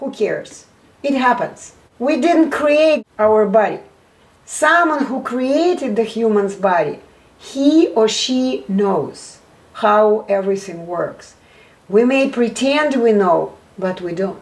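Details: Adult speaker; fluent speech.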